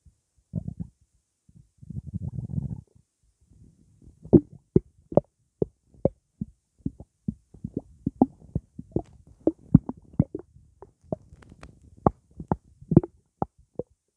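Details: Stomach gurgling (borborygmi) after drinking blackcurrant juice: watery sloshing, then many quick gurgles and pops, a normal bowel sound.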